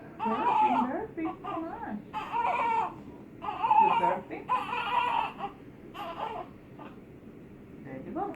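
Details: Repeated short, soft crying bursts from an infant being burped by her mother in a quiet room: an ordinary fussing infant cry.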